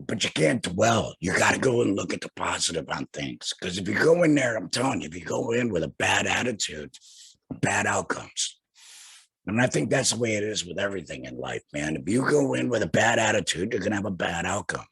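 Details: Male laryngectomee who had a total laryngectomy in 2020, speaking without a larynx; alaryngeal speech after total laryngectomy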